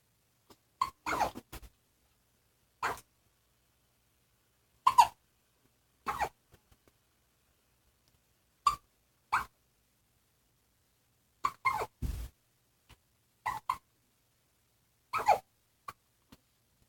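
Short, sharp hiccup sounds come in quick pairs, repeating at irregular intervals over about 17 seconds. Hiccups.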